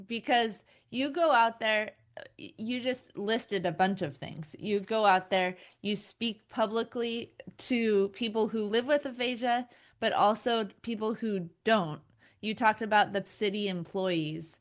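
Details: Adult woman; normal speech.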